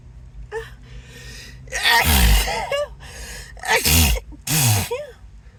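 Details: Acted sneezing fit, sneezer saying whole nose tingling and buzzing: three loud voiced sneezes in quick succession, each with a gasping intake before it, over soft music.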